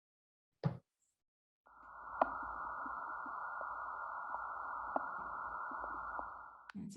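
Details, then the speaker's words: Simulated abdominal auscultation on an auscultation trainer manikin via stethoscope: steady muffled rushing with frequent small gurgling clicks, lots of gurgling; hyperactive bowel sounds. "am hearing quite a bit of gurgling going on so my diagnosis or my thoughts would be that i'm hearing a normal cardiac normal respiratory and a hyperactive bubble sounds"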